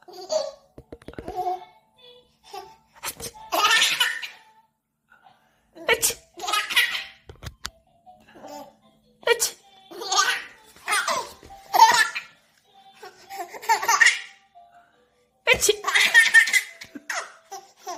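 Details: 300-day-old baby making repeated small sneeze-like bursts mixed with giggling and belly laughs, along with adult voices.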